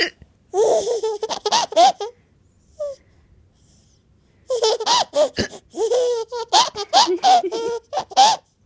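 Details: A 7-month-old baby with hiccups, heard as bursts of belly laughter with short, abrupt catches between them; infant hiccups.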